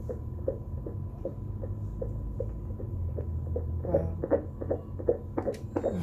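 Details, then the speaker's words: Fetal heartbeat on ultrasound at 16 weeks of a first pregnancy: rapid, regular whooshing at about 155–160 beats a minute over a steady machine hum. "this is the heartbeat right there oh yeah yeah i can see it how can i hear that yes i can hear it wow"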